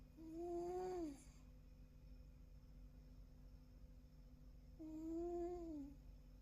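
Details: A cat snoring while asleep on a person's lap, at low volume.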